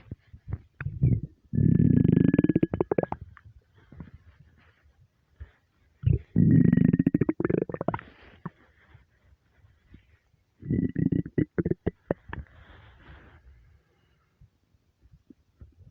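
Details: Stomach rumbling (borborygmi): three long gurgling, groaning rumbles in a quiet room, a hungry stomach's normal bowel sounds.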